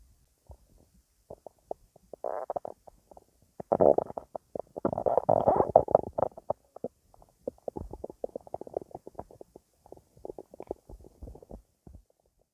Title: My stomach growling